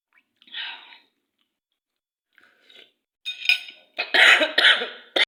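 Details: Person eating spicy Indomie instant noodles with sauce finally coughs from the food: a few quiet breaths and throat sounds, then a burst of several harsh coughs at the end.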